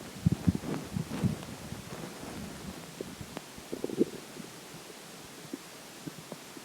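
Low bubbling, watery gurgles that come and go, fading toward the end; ordinary stomach and bowel sounds.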